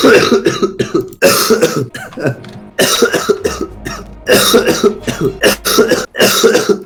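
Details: Adult man coughing all evening, says coughing feels so bad his eyes bulge out: about six loud, harsh coughs in close succession, some throat-clearing quality; repeated forceful coughing.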